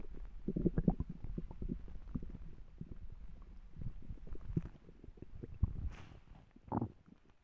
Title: My stomach growling